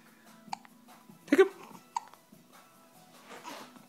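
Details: Male hiccupping: a few brief sharp catches in a quiet room with one louder gulping burst; hiccups.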